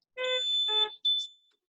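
Short series of clear electronic tones as a mechanical ventilator powers on; a normal start-up sound.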